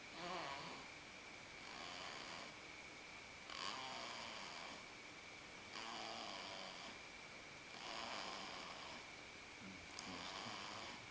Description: Snoring on Daddy's lap